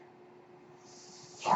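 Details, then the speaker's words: The speaker's own mechanical ventilator, audible during a podcast: a steady low mechanical hum ends in a rising rush of air as the ventilator delivers a breath. "That noise you hear is my ventilator. And thank you for tuning in to Page Turners They Were Not, my Star Wars podcast."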